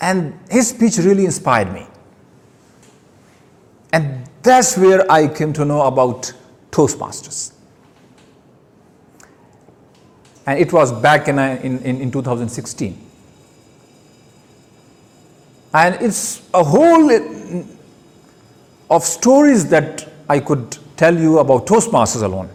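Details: Man who stammers giving his first public speech; word repetitions heard; stuttering.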